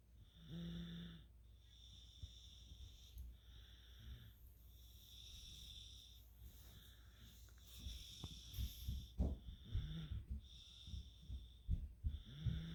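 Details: Three-year-old girl snoring in sleep: soft, uneven snoring with low rough noise and some whistling tones, repeated noisy breathing.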